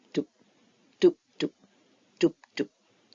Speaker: So if you have a stethoscope and you put it on the chest of a person where the heart is, you will hear a sound like this.